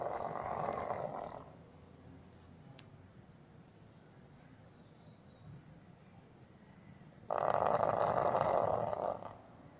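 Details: English Bulldog sleeping: two loud, harsh, rattling snores several seconds apart with quiet breathing between; heavy snoring.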